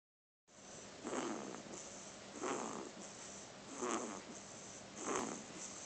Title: Snoring baby